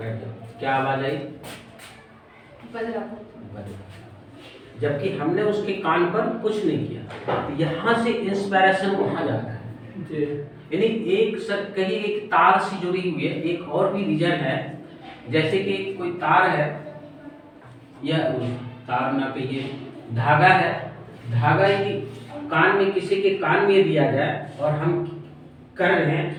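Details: Adult male speaker; no speech disorder.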